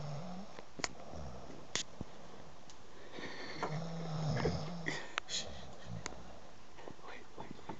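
Low, rough rumbling breath sounds over steady room noise with occasional clicks; snoring during sleep.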